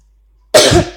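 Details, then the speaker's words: A sick child apologises for coughing while playing an online game: a single abrupt cough with a sharp onset and a brief rough tail. "Et en fait, vous voyez, je suis malade, désolée si je tousse du coup."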